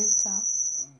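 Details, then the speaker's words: Steady, very high-pitched pure audiometer tone used to match the tinnitus frequency of a former guitarist with irreversible noise-induced hearing loss from years of loud music; tinnitus pitch-matching tone. "un audiogramme est ensuite réalisée afin de trouver la fréquence des acouphènes de rené l'acouphène est un son parasite créé par le cerveau qui cherche à compenser la perte d'audition"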